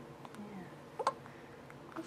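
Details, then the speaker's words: Soft, short hiccups from a 4-week-old baby boy, quiet and alert about an hour after a 6:30am feeding, looking around and waving his arms. "yeah it's 7 30. and he's just looking around and hiccuping and waving his arms"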